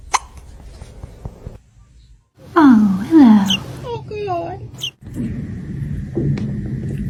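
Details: Kitten hiccups: short, abrupt squeaky catches recurring irregularly amid room noise and faint talk.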